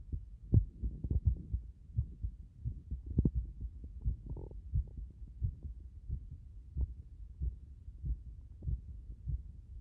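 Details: Heart sounds with frequent arrhythmia: dull heartbeats around 85 per minute with uneven spacing between beats, fitting frequent irregular beats.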